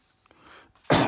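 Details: A quiet room, then a single abrupt, harsh cough burst cut off mid-sound; an adult recovering from flu, coughing and croaky.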